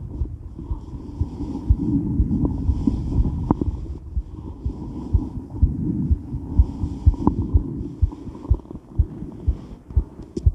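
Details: Female heart recorded during and after weight training while moving: fast, pounding heartbeat around 125 a minute under rubbing and movement noise, with heavy breathing; normal exercise tachycardia.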